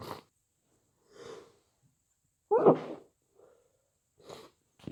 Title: Muffled snotty cold sneezes